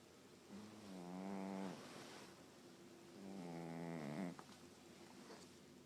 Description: Out fat cat lotus snoring!